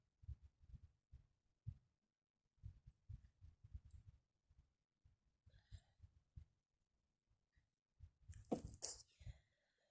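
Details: A quiet run of sniffs and breathy bursts in a small room, ending in one loud, full sneeze; sneeze fit before going to sleep.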